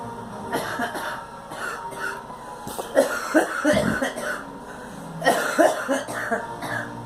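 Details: Girl coughing: repeated short coughs in three bouts, some harsh and some lighter, over faint background room noise; a plain cough.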